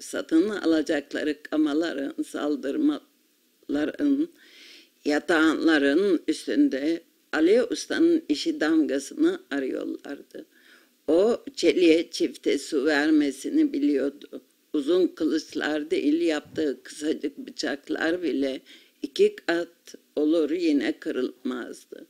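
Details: 62-year-old woman with spasmodic dysphonia, 20 years of increasing hoarseness and 8 years of intermittent injection treatment, reading a passage aloud.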